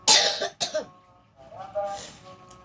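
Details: Two harsh, noisy cough bursts from a reciter with a cold and a hoarse, weak voice, followed by quiet sung Quran recitation: a cough during a cold.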